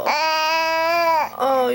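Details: Infant cry: a sustained, clear wailing cry lasting over a second, then a short second cry after a breath; caregiver wonders if the baby is hungry; an adult burping in the background.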